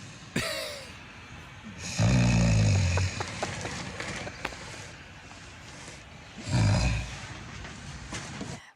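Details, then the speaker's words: Snoring from a man in bed, recorded by his partner, who says it has kept them from sharing a bed for months; two loud, low, rattling snores about four and a half seconds apart over faint room noise. "I hear the snore. Oh, you cutting wood,"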